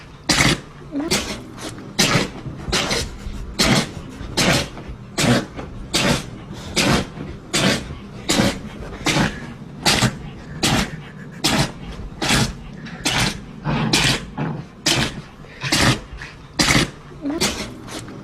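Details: Dog sneezing repeatedly: a long run of about 22 sharp, explosive nasal bursts in a row at a steady pace.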